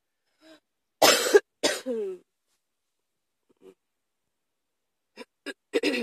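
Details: Sudden-onset cough that came on quickly: two harsh coughs, a short throat-clearing, then a few softer coughs.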